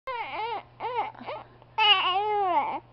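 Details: Infant crying angrily because of hiccups: three bursts of high-pitched wailing over a steady low background hum.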